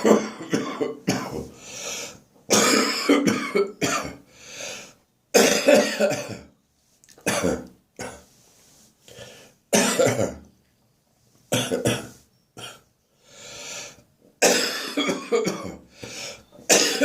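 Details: Morning cough during a spring cold: repeated harsh, wet coughing bouts with throat clearing and a faint wheezy whistle between coughs, becoming more chesty; chesty cough with wheeze.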